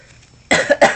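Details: Two short, sharp adult coughs in quick succession after a brief quiet pause; cough.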